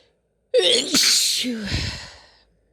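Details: Female sneezing: a quick indrawn breath, then a single sharp, hissing sneeze burst with a trailing exhale.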